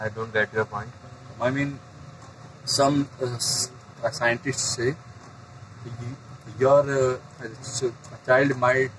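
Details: Adult man who stammers, getting stuck on words and repeating, trying techniques to manage extra muscular stress while speaking; stammering.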